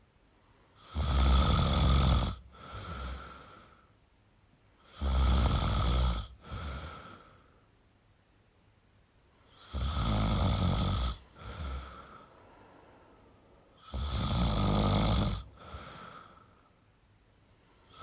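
Four loud, rasping snores, each followed by a softer out-breath, about 13 breaths a minute. Ordinary heavy snoring.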